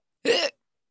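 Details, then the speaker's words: Hiccup sound played as an example in an English sound-vocabulary lesson for young learners. "H-I-C-C-U-B. Hiccup."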